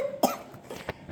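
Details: One short, soft cough with faint breathy sounds and low room noise from a sick five-year-old girl, off school for days, who has vomited from coughing.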